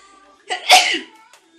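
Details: A single sharp sneeze from allergy sneezing: a quick breath in followed by an explosive, hissing burst of air.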